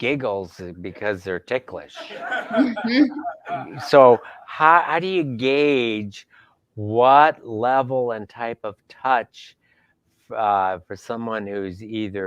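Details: Adult man speaking; no voice disorder.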